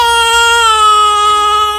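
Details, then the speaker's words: Sustained, clear, high-pitched wail from a newborn boy, mother recovering postpartum; a hunger cry. "oh he's hungry"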